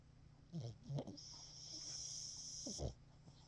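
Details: Pug snoring: a few low snorting snores with a long hissing breath between them; noisy breathing typical of a flat-faced dog.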